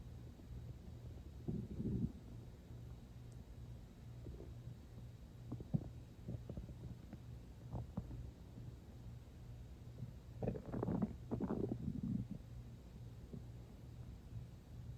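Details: Low gurgling rumbles in short bursts over a steady low hum; stomach growling without much hunger, not long after eating.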